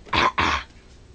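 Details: A young child gives two quick, deliberate pretend coughs on request from a parent; a playful, imitated "drama" cough, not illness.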